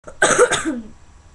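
A single deliberate, playful cough from a child: a sharp burst trailing into a brief voiced tail, in a quiet room.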